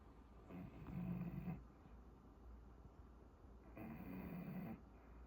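Two long, low, rumbling snores a few seconds apart from a sleeping bulldog, with quiet breathing between.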